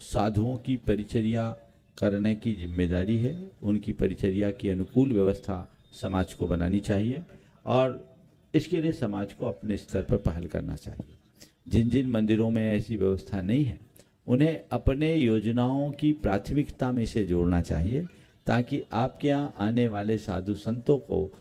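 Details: Adult man; typical speech.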